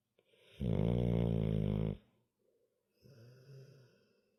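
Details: Sleeping dog snoring: one long, deep, buzzing, chainsaw-like snore on the in-breath, then a softer breath out.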